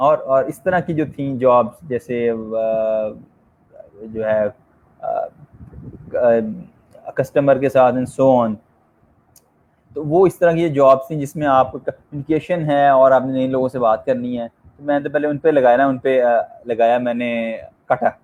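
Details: Stuttering in an adult man who has stammered since age 6; many speech therapies did not help him, and he is speaking in a session by stammerers for stammerers.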